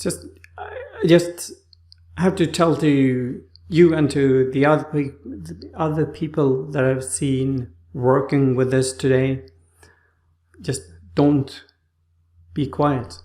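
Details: Adult man with aphasia after a stroke, in rehabilitation with therapists; his speech was like a two-year-old's on waking after the stroke; has trouble finding names and words; aphasia after stroke.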